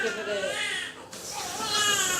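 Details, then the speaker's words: Newborn boy just after birth in a maternity hospital, after labor with repeatedly dropping fetal heart rate: brief high-pitched wavering wails with room sounds; vigorous first cry, newborn cry. "He then he just started screaming and it was great cuz it was great to actually hear his little cry just that's all I wanted to hear."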